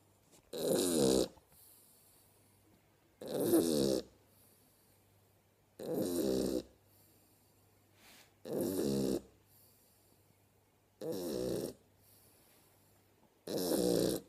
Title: Mabli the Shar pei snoring at 11 weeks old